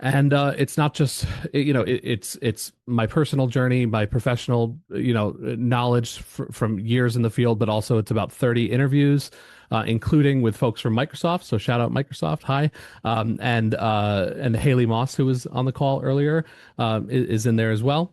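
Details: Stuttering in an adult woman who grew up with a stutter, which she says speech therapy did not improve; real speaker, not acted; finding: stuttering.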